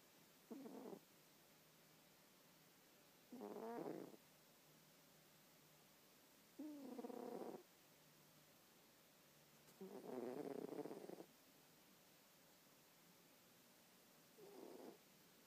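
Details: 15-year-old male cat snoring while sleeping and dreaming, with little twitches: soft, rhythmic purring snores, about five breaths over fifteen seconds, with faint room hiss.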